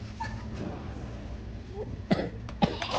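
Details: Two short, sharp coughs from a person in a store, over busy background noise; cough.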